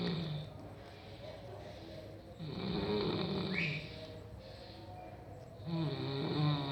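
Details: Rough, low, rattling snores with each breath from a person sleeping, over steady room noise; snoring.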